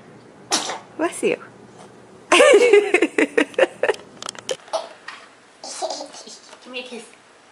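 A small, sharp sneeze burst amid an adult's cooing voice; an ordinary baby sneeze.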